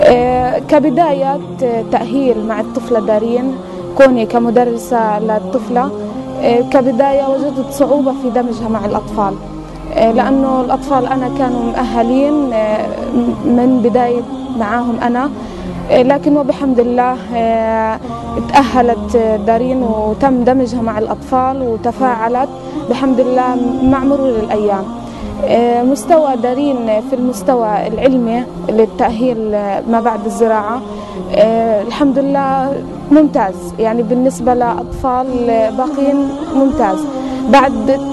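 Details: Adult female teacher speaking Arabic, with background music; typical adult speech.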